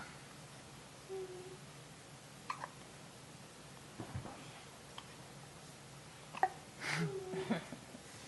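Quiet room with a few brief, abrupt gasping catches at irregular intervals; hiccups.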